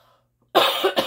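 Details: An adult woman who says she has sinus trouble gives two quick, harsh coughs in close succession after a moment of quiet; a cough.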